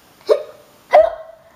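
Two abrupt, sharp voiced 'hic' sounds about half a second apart, each with a short trailing tone; typical hiccups.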